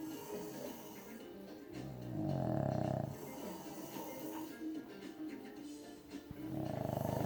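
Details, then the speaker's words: Snoring recorded late at night, either a dog or a man (brother), unclear which: rough, rumbling snore sounds on in-breaths over background music and room noise. "But who snores louder? My dog? Or my brother?"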